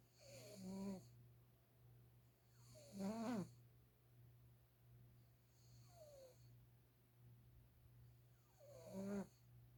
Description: Mr. Beavis the cat sleeping and snoring very loudly.